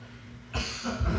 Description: CNN Tonight host has to cut an interview short due to an abrupt coughing fit.